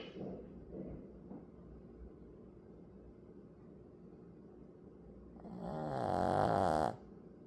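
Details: Sleeping dog snoring: soft snuffling breaths, then one long, loud rattling snore.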